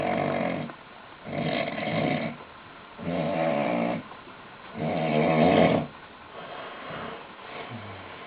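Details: Loud, rough, rattling snores about every 1.5 to 2 seconds, fading toward the end, from a man asleep after a hard night of heavy drinking; snoring.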